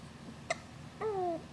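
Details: Baby boy with hiccups, getting a little fussy: a sharp hiccup click followed by a short squeaky voiced sound; hiccups.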